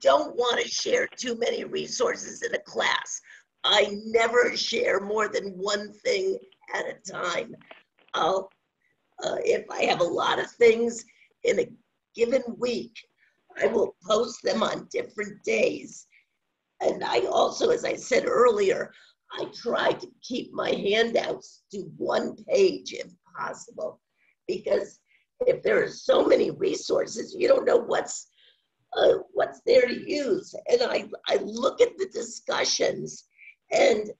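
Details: Woman with spasmodic dysphonia, which she says has no cure and has worsened since onset around 2010; she receives Botox injections for it; spasmodic dysphonia.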